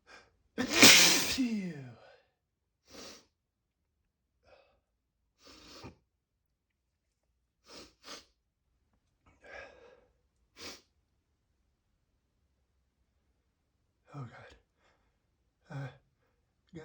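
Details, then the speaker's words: A man's wet sneeze: one forceful, voiced sneeze followed by a series of short sniffs and breaths in a quiet room, after complaining of a nose tickle. "Oh, it tickles. Oh, it tickles so much. It feels so bad. I got it. I got to let it out. Oh god. Oh, I got to sneeze."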